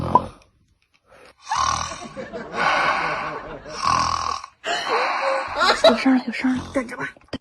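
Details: Several loud, rough, rattling snoring breaths in a row with short pauses between, from a person sleeping in bed; heavy snoring.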